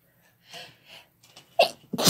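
Soft breaths building to a sharp, explosive burst at the end, a sneeze.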